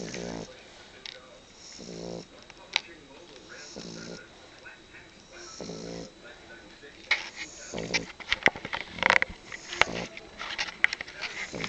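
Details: French Bulldog snoring while napping: regular rattling snores, roughly one every two seconds, then clicking and handling noises over them.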